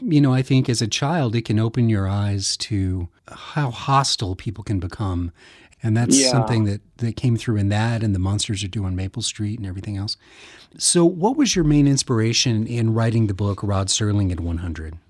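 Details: Adult male speakers in interview; typical speech.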